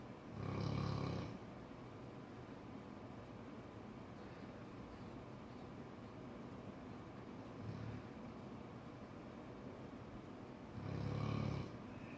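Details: Cane Corso snoring while asleep: low, rumbling snores, a loud one at the start and end with a fainter one between, over steady background hum.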